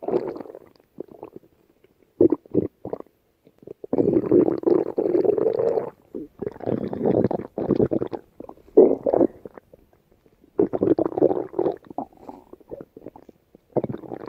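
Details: Stomach growling (borborygmi) in a woman: bursts of low gurgling and rumbling with short quiet gaps between them.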